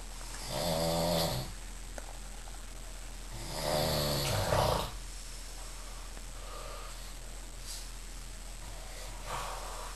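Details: Adult man, described as fat, sleeping on the lower bunk in a youth hostel, audio only: two loud, buzzing snores a few seconds apart, then softer breathing, over a constant low electrical hum; loud snoring.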